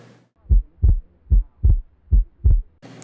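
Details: Cardiac auscultation teaching recording made by medical students: three paired low thumps, lub-dub, at about 74 beats a minute; normal first and second heart sounds.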